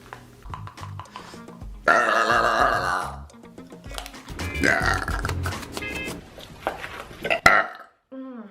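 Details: Compilation of burping: long, loud, rumbling belches over background music and talk. Repeated burping.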